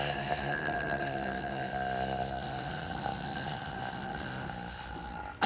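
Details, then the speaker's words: Long, sustained, rumbling burp lasting several seconds, produced deliberately on a countdown as a show-off for a burping contest; a burp. "So I'm gonna show off like how to take a burp."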